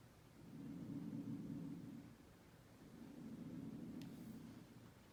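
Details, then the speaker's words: Normal vesicular breath sounds on Sam, a patient simulator, heard by stethoscope over the posterior chest from top down, side to side: two soft, low rushing breath cycles, clear without added sounds, judged clear bilaterally. "so after listening to sam's lungs it sounds like he has clear breath sounds in all lobes bilaterally anteriorly posteriorly and laterally so this lungs sound nice and clear"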